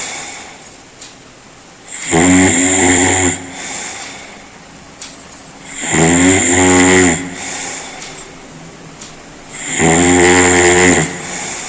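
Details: Very loud, rough, rattling human snoring on each inhalation, about 16 snores a minute, with quieter breathing between.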